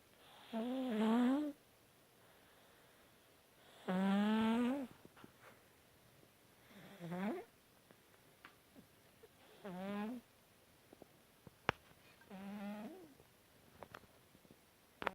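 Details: Sleeping cat: five drawn-out, rising, squeaky-toned snores at roughly 20 a minute, with quiet pauses between: snoring.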